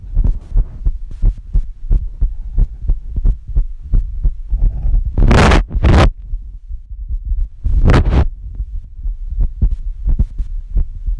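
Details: Adult woman's own heartbeat recorded on her chest with a phone app; her boyfriend says it doesn't always sound normal when he lies on her chest; heartbeat.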